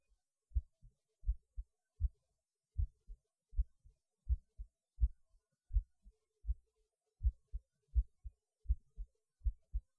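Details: Recorded at lunch, pausing while eating because the heart felt like it was beating hard (usual when eating) though the rate changed little: clear paired lub-dub beats, about 80 a minute, regular, silent background; normal heartbeat.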